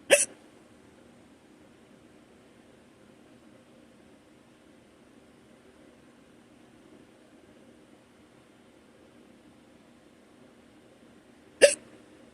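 Two sharp, abrupt hiccups about eleven seconds apart in a quiet room; ordinary hiccups.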